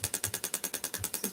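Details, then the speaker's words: Radial shockwave therapy device firing with the applicator placed on the skin, shock waves dispersed through the tissue; rapid, even clicking pulses, about nine per second. "this one this gold one will penetrate a lot deeper than the one i've got on just now so that will disperse the shock waves straight through it just depends what i'm doing"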